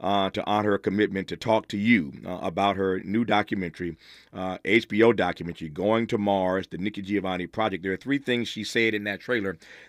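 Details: Adult male speaker; Normal speech.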